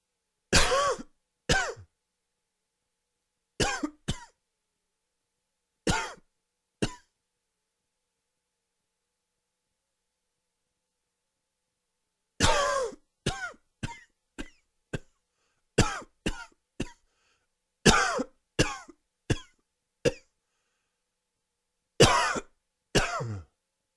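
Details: Allergy-related dry, wheezy coughing fit: repeated dry, harsh coughs in clusters, some with a faint whistling edge.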